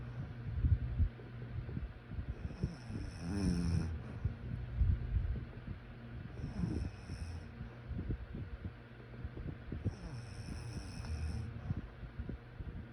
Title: Sleep snoring sounds